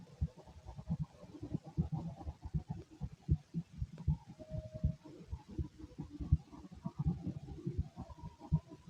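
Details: Male chest auscultated with a stethoscope: steady low thumps of a heartbeat, about 79 beats a minute, with some rubbing noise.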